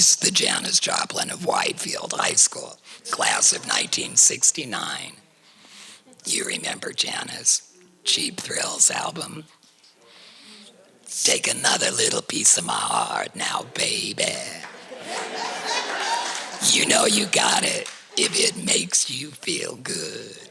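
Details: Tracheoesophageal speech through a voice prosthesis in a woman, after total laryngectomy for cricoid chondrosarcoma diagnosed in 2006 at age 55.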